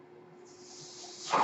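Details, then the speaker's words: Soft airflow hiss building steadily to a louder gush at the end: the speaker's own mechanical ventilator delivering a breath, heard as they talk. "My name is. That noise you hear is my ventilator."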